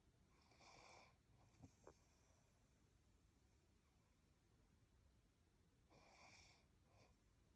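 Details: Person snoring while on holiday in Ireland: two soft, hissing snoring breaths about five seconds apart with faint snorts between, under room hiss; quiet snoring.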